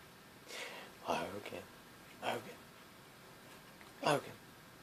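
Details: Cat named Logan sneezing: three quick, soft sneezes, each a short burst of air.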